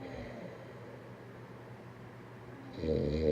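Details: Low, rumbling breathing noise during sleep, growing louder at the end as a snore starts; snoring.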